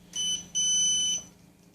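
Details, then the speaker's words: Gemstar pain management pump for intravenous patient-controlled analgesia alarming while its cartridge is out: two high-pitched electronic beeps, a short one then a longer one; infusion pump alarm. "the pump's always going to alarm while this cartridge is not placed in the pump therefore whenever you're ceasing a PCA you need to have the cartridge in the pump that will stop alarming"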